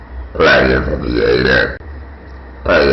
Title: Girl Burps And Talks